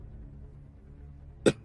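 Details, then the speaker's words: Adult man still getting over a cold, voice mostly gone: a single short, sharp cough after a moment of quiet room noise. "Excuse me. I'm still getting over a cold so if that sounds like my voice is gone cuz it is."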